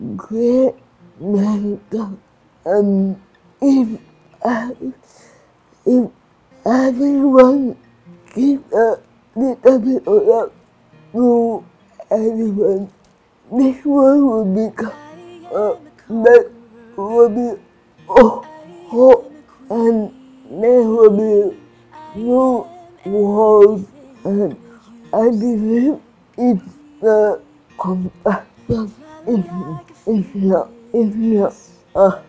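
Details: Adult woman with cerebral palsy, with slurred speech and restricted movements; dysarthria (cerebral palsy).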